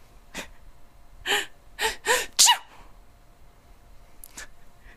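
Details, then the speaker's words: Person performing acted sneezes on request, repeated several times: a quick inhaled gasp builds into a sharp, hissing sneeze burst. "try and uh do a do a different sneeze sound if you can"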